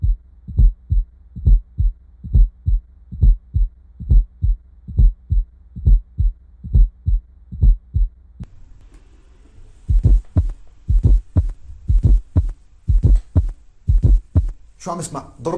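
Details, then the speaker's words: Fourth heart sound (S4): low heartbeat thumps played first in slow motion and then at real speed, with a soft extra sound just before the first heart sound. "what it sounds like is love dub so let's have a listen and see if you can distinguish that fourth heart sound just before the first one"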